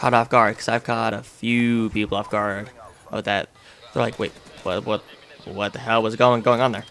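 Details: Stuttering in a person who says they have a stutter that has shaped their life; finding: stuttering.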